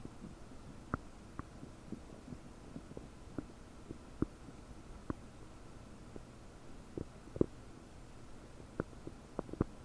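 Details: Frequent short bubbly pops and gurgles, about a dozen in ten seconds, recorded with a desktop microphone about 9 hours after eating 30 prunes; bubbly, bloated gut with increased bowel sounds.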